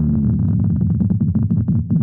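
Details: Loud, low, rapidly throbbing rhythmic buzzing: lab recordings from microelectrode arrays/silicon probes of hundreds of neurons during a seizure, converted to sound.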